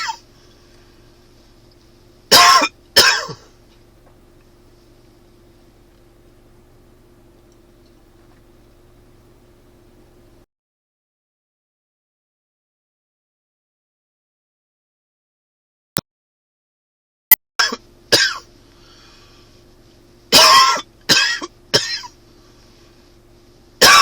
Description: Springtime is here and with it comes the dry allergy cough.